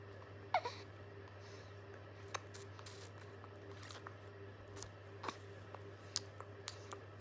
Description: This little cutie just can’t stop hiccuping — and his hilarious solution? Sucking on his tiny fingers non-stop!